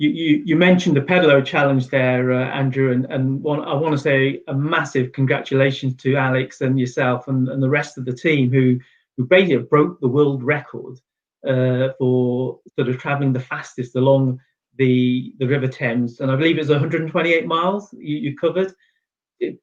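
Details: Adult male speaker; normal conversational speech.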